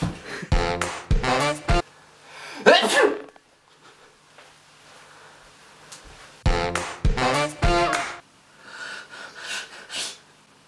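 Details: Staged sketch showing different types of human sneezes: loud voiced sneeze bursts, some with a gasping build-up, over background music; performed sneezing.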